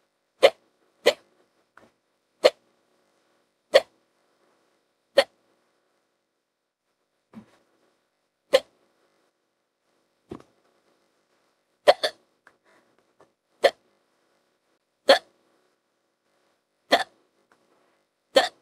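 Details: Simulated, AI-generated female character hiccups, audio extended with added hiccup clips: about twelve short, sharp, evenly spaced gulping catches over roughly 18 seconds in quiet; repeated hiccups.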